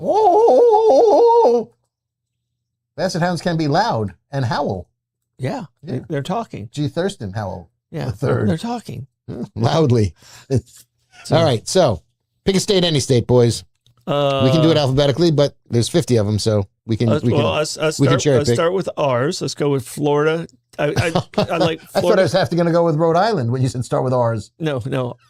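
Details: Stuttering in a male speaker who himself describes having a stutter.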